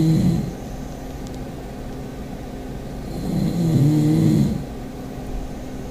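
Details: Sleeping pug snoring in a snoring contest: low, rumbling snores with a fluttering quality over steady background noise.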